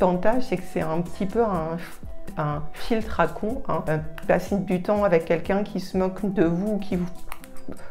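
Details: 43-year-old woman, French speaker, stuttering since age 2–3 (developmental onset, lifelong); stuttering.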